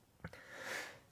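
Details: Stifled sneeze from a K-pop idol: a brief nasal catch, then a longer breathy rush of air through the nose; he then says his nose tickles.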